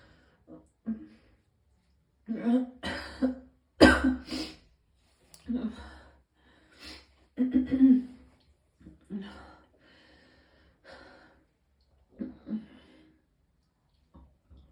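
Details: Person in extreme pain who vomited several times: irregular harsh coughs and throat-clearing bursts with strained retching sounds between quiet breaths.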